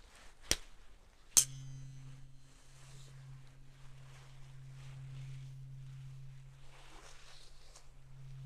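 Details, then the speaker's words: Simulated ENT/cranial nerve hearing exam in an ASMR roleplay: two sharp metallic taps, then a steady low hum from a vibrating tuning fork held near one ear. "These um will make a noise. I'm going to hit them and they will vibrate and I'm going to hold them up to either ear and I just want to see your reaction."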